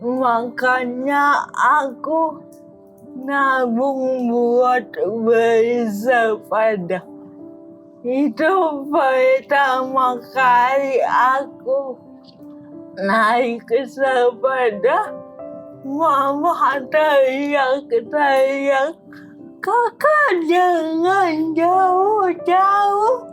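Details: Dysarthria in an adult woman with cerebral palsy who has had speech therapy.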